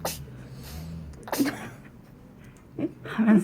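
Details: Two-day-old newborn, sleepy and fussing, gives a few small, quick sneezes in a row with faint fussing sounds between them.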